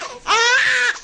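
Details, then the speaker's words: Baby boy being swaddled in a wrap before being turned on his side to calm: loud, high-pitched, shrieking wail after a brief whimper; typical intense infant cry. "They make one big shrieky sound no matter what the problem is."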